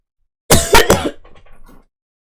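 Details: Heavy coughing episode during emotional distress: three loud harsh coughs in quick succession, then fading retching or throat sounds; person reports getting sick from mental distress while sitting in a very hot room.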